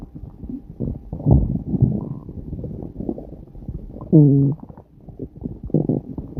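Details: Stomach growling recorded on a day the person had long farts: low, irregular gurgles and rumbles with a brief squeaky, tonal growl; ordinary bowel sounds (borborygmi).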